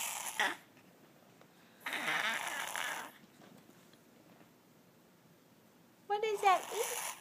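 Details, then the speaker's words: Dog with vet-suspected allergies, on an antihistamine, makes a harsh, prolonged snorting inhalation, a spasm of forceful inward nasal breaths: reverse sneezing. "What's the matter well the doctor says It's just a reverse sneeze You Don't seem to like it much though honey"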